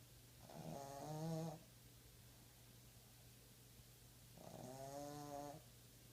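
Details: Snoring from a sleeping Boston terrier puppy: two drawn-out, musical snores about four seconds apart over a steady low room hum.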